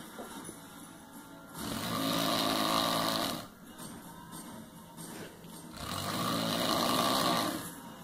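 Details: Two long, rough, rattling breaths about four seconds apart, roughly 15 a minute; snoring.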